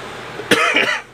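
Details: Cough in a person still getting over a cough, with a croaky throat: one harsh cough followed by a brief voiced throat-clearing, in a quiet room with a low hum.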